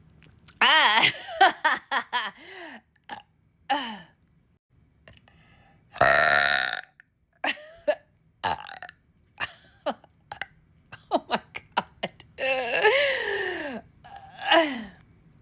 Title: Happy 4th of July #burp #request #burping #burpqueen #burps #videorequest #oddlysatisfying